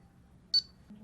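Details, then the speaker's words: Pulse oximeter with sensor on a patient: a single short high electronic beep with a detected pulse beat, in a quiet room. "now turn on the oximeter after you get a pulse waveform and intensity display and an audible beep"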